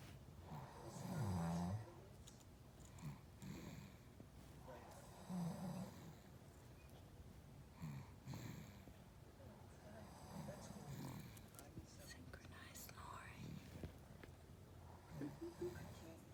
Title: Synchronized Snoring